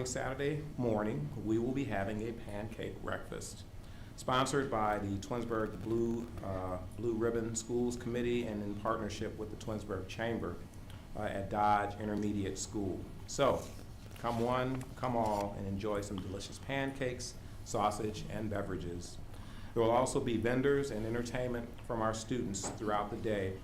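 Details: Adult man speaking; normal speech.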